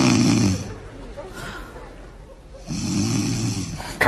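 Two loud, rough, low rattling breaths separated by a quieter pause, typical of snoring; part of a comedy sketch.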